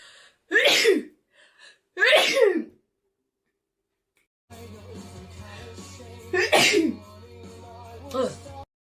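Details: Girl sneezing, tagged allergies and sinuses: four sharp, high-pitched sneezes, the later two over background music.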